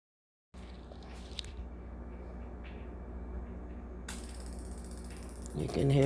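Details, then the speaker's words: Ozempic (semaglutide) injection pen dialed to a 0.5 mg weekly dose by a type 2 pre-diabetic adult: soft mechanical ratcheting clicks, ending in a louder click as the dose finishes. "now i take .50 so a half a milligram so you just dial it to the amount that you take"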